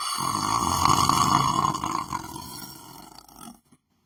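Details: Person lying down on the floor of a room, sleeping; one long, loud, rough snorting snore that fades over about three seconds; snoring.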